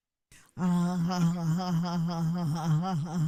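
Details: Neurogenic, involuntary vocal tremor, heard as modulation of pitch and loudness during sustained phonation.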